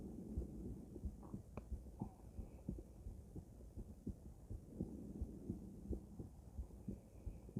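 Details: Female heart auscultated with different stethoscopes at Erb's point, then mitral, tricuspid, aortic and pulmonic sites: regular lub-dub heartbeat at about 88 per minute with a soft background hum; normal heart sounds.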